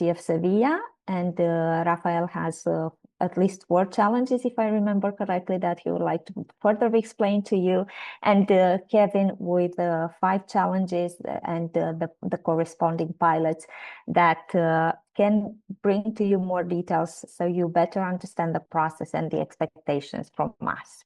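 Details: Adult woman speaking; normal voice.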